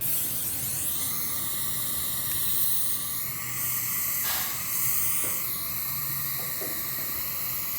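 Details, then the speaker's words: Dental implant surgery on a very thin ridge: steady high whine of the pilot drill with constant water-spray hiss as the drill, guided through a surgical stent, re-enters a small starting hole made with a diamond bur. "i'll then take the stent take the pilot drill it's going to see that angulation hold that tight my pilot drill should go right back into that hole that i made with a"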